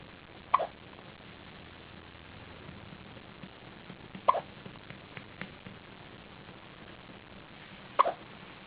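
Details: Newborn girl on her first day of life, hiccuping after her second feeding: three sharp, abrupt hiccup sounds a few seconds apart against quiet room noise; infant hiccups.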